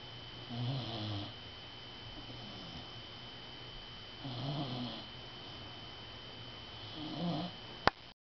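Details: Male dog snoring during sleep: low, rattling snores on each in-breath, about three over eight seconds, against a steady background hum.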